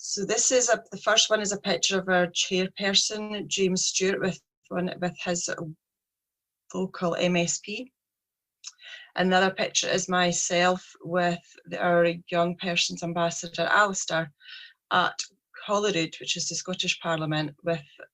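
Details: Stuttering (stammering) in a 43-year-old woman with a real, lifelong speech problem present since age three.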